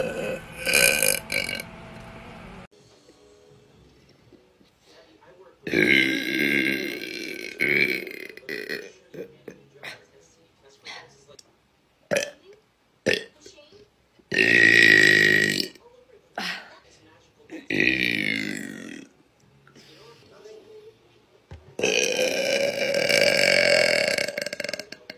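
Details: Several long, loud, voiced burps with short clicks and quiet gaps between them, in someone also having loud, painful hiccups; belching.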